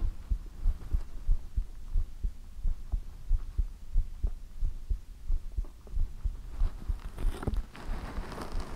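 Steady, soft, thudding heartbeat at about 92 beats a minute with a low hum behind it, and some rustling near the end.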